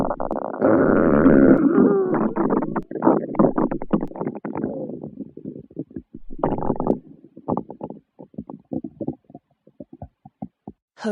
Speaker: hello boys and girls listen to the sound of my stomach growling